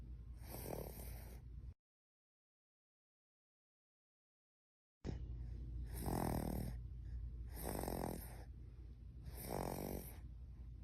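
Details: Baby snoring: repeated soft, snorting snores with each breath, about three close together after a short gap, over steady low background hum.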